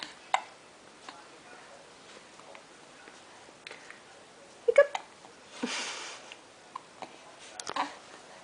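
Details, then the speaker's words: Hiccups in a 6-week-3-day-old baby boy, with a parent saying "boop, boop" and "You got the hiccups? You do." "You got the hiccups? You do."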